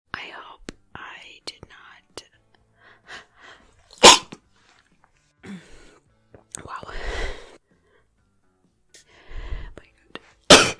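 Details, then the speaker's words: Woman sneezing on camera: quiet whispering broken by two sharp, explosive sneezes. "The perfume's making me sneeze."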